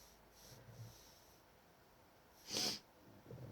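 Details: A single brief, sharp, hissing sneeze in quiet room noise from a person with a cold, described as odd sneezes.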